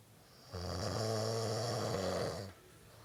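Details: Sleeping man snoring, filmed as a joke nature documentary: a single loud, buzzing, vibrating snore on the in-breath lasting about two seconds, resonating through the nose.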